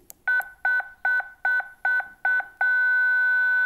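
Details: Defibrillator mode-selection tones while switching from AED mode to manual mode for a 30J manual test, which passed: six short, evenly spaced two-note beeps, then a sustained confirmation tone.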